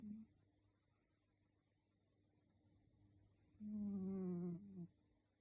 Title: Sweet Snoring Kitty, Sound Up! 📣 #cat #sleepingcat #cute #dreamcat #beautifulcat #snoring